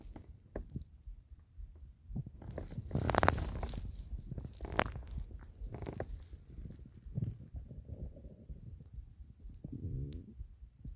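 Low gurgling and rumbling with bubbling bursts and a drawn-out growl; ordinary stomach growling from gas and fluid moving through the gut.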